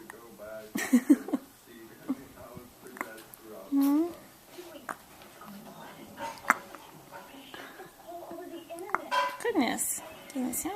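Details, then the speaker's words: Hiccups in a 1-week-old newborn: brief abrupt hiccup sounds amid soft adult talk and infant noises; ordinary infant hiccups. "say something important this Time Got the hiccups can't Talk right now"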